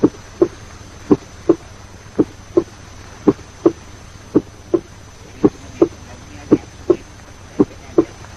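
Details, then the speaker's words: Teaching recording at the cardiac apex: normal lub-dub rhythm, with the first heart sound somewhat lower in pitch and louder than the second: normal first and second heart sounds. "As you listen, note that at the apex, the first heart sound is somewhat lower in pitch and louder than the second heart sound."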